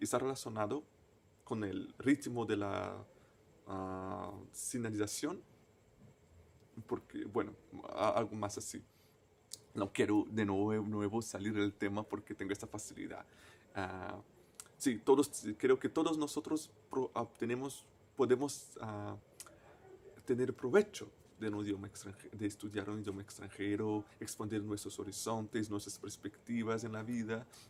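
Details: Stuttering in a person who stutters, a native Portuguese speaker speaking Spanish as a foreign language.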